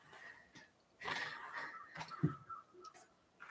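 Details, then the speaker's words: Small pet gives a few quick, sharp, snorting sneezes in a row, a brief sneezing fit. "bless you bobble he just had a sneezing fit"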